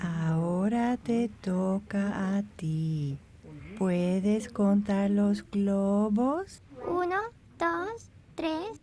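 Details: Adult woman speaking to a child; fluent adult speech.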